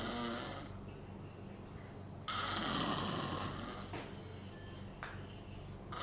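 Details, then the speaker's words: Loud, rough, rattling inspiratory snore from a sleeping adult with snoring and apnea, over a steady equipment hum during sleep endoscopy; obstruction from an enlarged soft palate, tonsils and uvula. "Navbatdagi bemorimiz xurroga otish va apnoyi boʻyicha kelgan. Xurga otishini o'zingiz ham koʻrishingiz mumkin."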